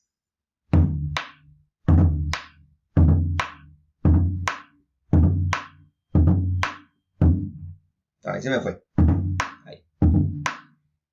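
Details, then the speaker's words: Simulated with a drum at about 56 beats a minute: each first beat is doubled into two closely spaced hits, a split first heart sound, which is the differential of an S4. "un desdoblamiento del primer ruido cardiaco como se escucharon r4"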